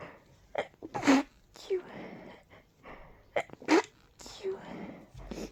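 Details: Several sneezes in quick succession with breathy intakes between them, from a mix of allergies and a cold, with deep nasal tickles and a stuck sneeze; sneezing fit.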